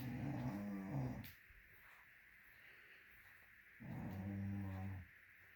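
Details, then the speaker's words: Sleeping female wearing a Snore-Eze snore aid in her ear, snoring loud enough to hear from the next room: two long, low rumbling snores about four seconds apart with steady background hum; ordinary snoring. "That green thing in her ear is a snore aid. I don't think it's helping unless it's aiding in her snoring."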